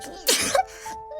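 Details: A single quick, sharp hissing sneeze from a streamer whose throat is unwell, over steady background music; sneeze.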